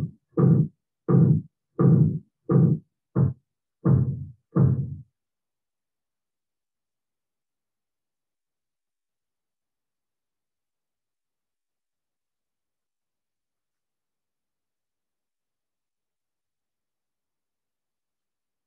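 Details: Korotkoff sounds heard during sphygmomanometer cuff deflation, present only while cuff pressure lies between systolic and diastolic; high blood pressure.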